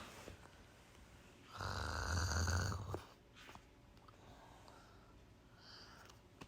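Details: Adult snoring before using sleep tape, which reportedly stopped it: one loud, low, rattling snore lasting about a second and a half against quiet room noise.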